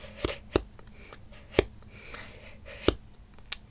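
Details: Female speaker with Tourette syndrome performing her most frequent vocal tic, a non-verbal single inhaled R-roll-like click that occurs very often and has repeatedly made her hyperventilate; vocal tic (inhaled click).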